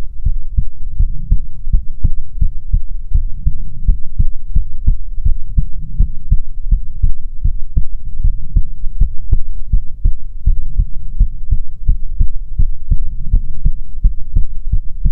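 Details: Soothing ASMR heartbeat recording: steady, muffled low thumps at roughly 80 beats a minute over a faint hum, ordinary normal heartbeat sounds.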